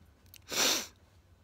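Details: Sneezing: a short intake of breath then a single loud, hissing sneeze burst, in a person who feels the sneezes getting more intense and links them to lots of surrounding noise.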